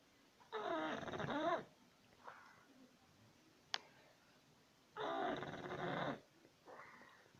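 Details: Two loud, rattling snores on the in-breath, each followed by a soft out-breath, in a quiet room; an English Bulldog snoring, ordinary dog snoring.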